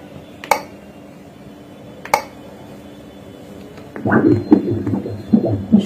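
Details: Two sharp clicks over quiet room hum, then a rapid rhythmic whooshing fetal heartbeat near 150 a minute, on ultrasound at six months four days of a first pregnancy, fetal weight 757 g (somewhat low): fetal heart sound.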